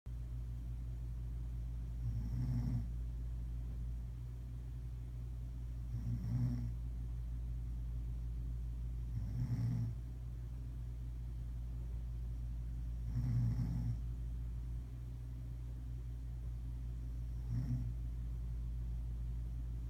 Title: Mom Snoring